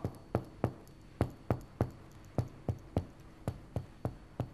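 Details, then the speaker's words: Lung exam in an adult male patient whose left lower posterior chest lags on deep breathing; about eleven percussion taps over the back, note changing from resonant to dull lower down and laterally, dullness curving upward at the mid-axillary line, breath sounds weakening below. "suara dari batas Sonor menjadi peka kita lihat ke lateral Ya sudah terdapat perubahan suara juga menjadi peka sedikit lebih tinggi"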